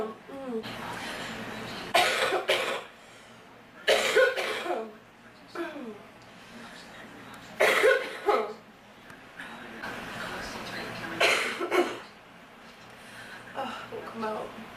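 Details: Girl with a sore throat coughing: repeated short, harsh coughs in clusters, several in a row.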